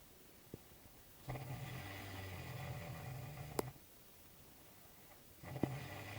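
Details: Rough, drawn-out snoring breaths with small clicks, heard over room noise; snoring.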